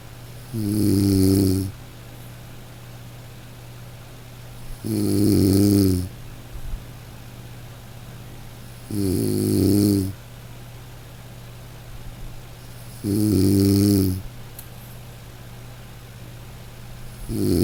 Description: Close your eyes and listen to snoring Breath Relax …